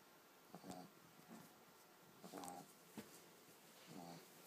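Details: Sleeping pug puppy: short snorting, wheezy snores about 36 a minute, some with a faint whistle, in a quiet room; snoring.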